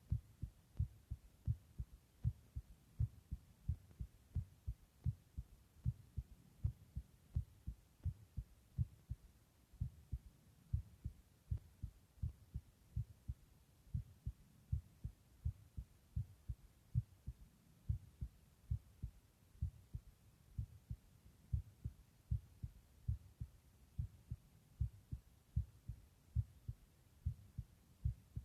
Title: Just my heartbeat sound (listen with headphones)